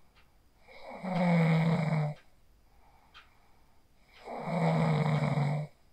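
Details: Adult recorded on a phone sleeping after practising the 4-7-8 breathing technique, snoring during sleep: snoring.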